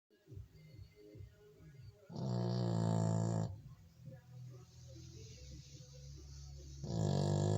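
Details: Dog adopted six years ago, a former street dog from Spain, snoring: loud, rumbling, low-pitched breathing, with two long fluttering snores separated by quieter noisy breaths.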